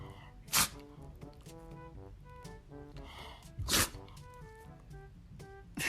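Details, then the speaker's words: Shih Tzu dog sneezing: two sharp, brief sneezes over background music. She rarely sneezes, and the owner thinks she just had a tickle in her nose and was fine. "Lacey, you have the sneezies. You have the sneezies?"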